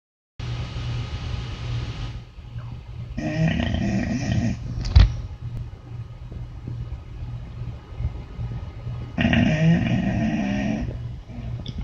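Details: Sleeping dog snoring heavily: low rumbling breathing with two loud, rattling, growl-like snores about six seconds apart over steady low background noise.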